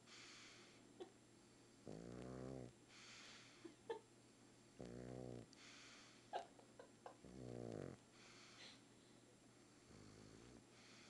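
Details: Sleeping pug snoring loudly, likened to a freight train: rhythmic, rattling, buzzing inhalations about every three seconds with softer wheezy exhalations between them; snoring.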